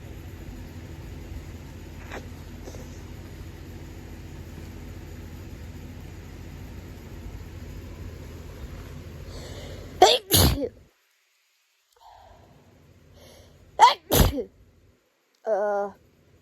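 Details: Person resting in bed with hay fever: steady background hum, then two forceful double sneezes with sharp explosive bursts and a brief voiced groan; allergic rhinitis sneezing.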